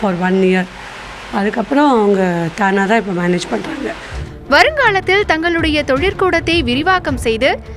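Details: Adult woman speaking Tamil, then a second speaker, with background music; typical speech.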